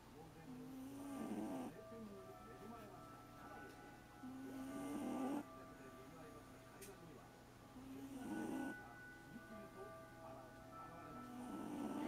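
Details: An 8-year-old American Shorthair cat sound asleep on a lap, snoring like an old man: soft, regular, rattling snores about 18 breaths per minute over faint music, recorded with a Panasonic LUMIX DMC-TZ7.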